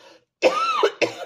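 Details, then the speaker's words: Two short coughs from an adult woman recovering from an illness of the previous week, still coughing with a hoarse voice, the first cough with a brief rising voiced sound, in a quiet room. "excusez-moi voilà il fait suffit que j'en parle pour dire que je tousse"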